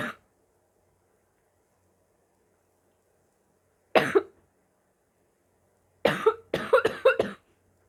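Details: Barking cough in a sick adult: harsh, hollow coughs, one alone then a quick run of several.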